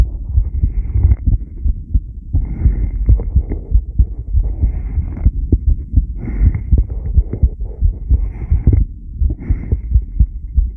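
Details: Subject b1 during rebreathing, 10-lead recording: low regular heartbeat thumps under steady breathing noise, with periodic louder breath-like rushes; heart sounds.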